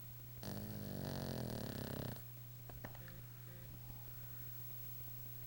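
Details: A dog snoring while napping: a single loud, rattling, buzzing breath over a steady low hum, then quiet.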